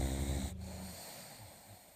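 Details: Sleeping boxer puppy: a single loud, low, rattling snore on a breath that quickly fades; snoring.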